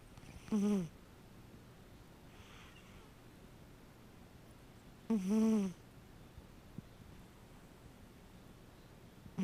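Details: Deeply asleep cat snoring: two brief nasal snorting snores several seconds apart over quiet room noise.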